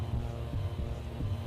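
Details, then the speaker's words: Amplified heartbeat of a game-show contestant under stress: a few soft, low thumps at a steady, unhurried pace beneath a droning background; his medically measured resting heart rate is 68. "now you hear that sound that's your heartbeat"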